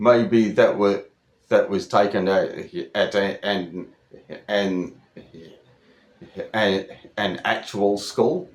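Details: Adult Australian speaker over 25 who stutters, speaking in a monologue with word repetitions; stuttering.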